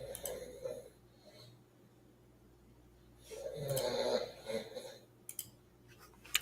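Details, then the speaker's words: Two long, rough, rumbling snores with quiet pauses between, from a sleeping dog, over faint room noise; ordinary but very loud snoring. "oh my God that's your dog snoring can you hear that it is so loud"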